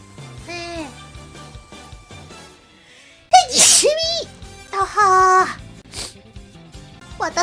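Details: A sharp, loud sneeze burst following high-pitched vocal sounds during a VTuber stream with hiccups, background music playing. Sneezing.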